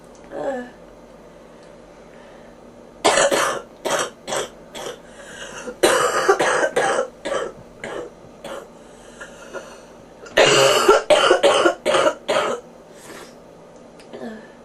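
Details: Three bouts of harsh, rapid, wet-sounding coughs in quick runs with quiet pauses between, from a person with bronchitis who mentions ears popping; a chesty bronchitis cough.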